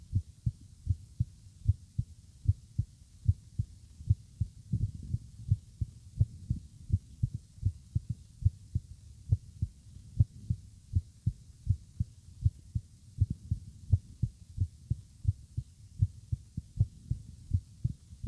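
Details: Morning heartbeat: steady, regular, about 72 beats a minute, with clear paired lub-dub thumps; normal heartbeat.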